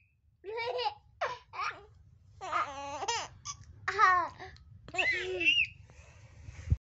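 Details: Baby laughing and crying together: bursts of giggling babble blend with short whimpering cries in a quiet room; ordinary infant laughing mixed with crying.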